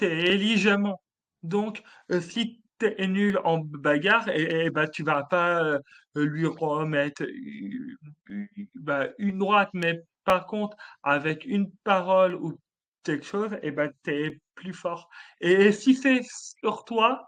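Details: Stuttering in an adult male comedian who has stuttered since childhood, with teasing in his childhood; he says he would choose to keep his stutter.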